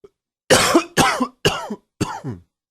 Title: Coughing 35.wmv